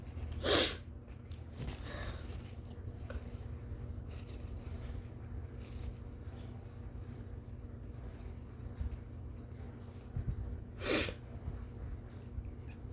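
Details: Two loud, explosive induced sneezes about ten seconds apart, with soft breathing and room noise between; sneezing.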